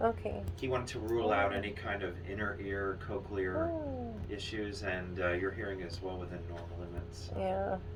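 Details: Adult speaker; Normal speech.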